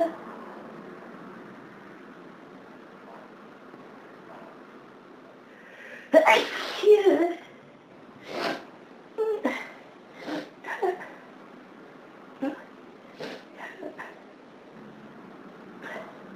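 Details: Sneezing on a severe hay fever day in summer: a run of sharp, explosive sneezes, some in quick succession, against faint room noise; still needing to sneeze.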